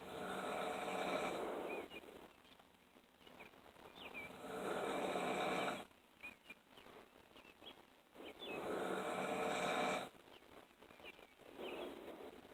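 Long, loud, rasping snores on each breath in, about 7 a minute, with birdsong outdoors in the background.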